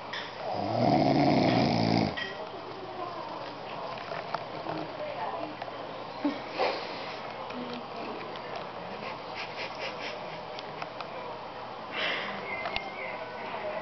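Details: A father snoring: one loud, rough snoring breath, then quieter room noise with faint snores later; ordinary snoring.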